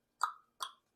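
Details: 27-year-old woman with Tourette syndrome who reports more motor than vocal tics: two sharp mouth clicks about half a second apart, a simple vocal clicking tic.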